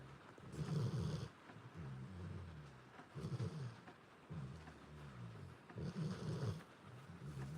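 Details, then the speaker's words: Low, rumbling snores on each breath from a sleeping dog, with soft rain and frogs outside; normal dog snoring. "Hopefully you can hear it over the snoring. If not, sorry. Not sorry to listen to cute doggy snores."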